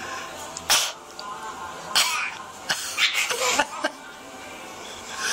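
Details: A child's short, dry cough bursts break into giggling; cough set off by laughter.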